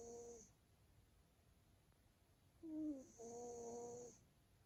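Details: Sleeping male Maine Coon cat: two soft, tonal snoring breaths with a quiet pause between, in a quiet room; snoring.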